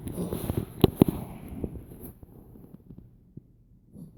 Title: Puggle cough 2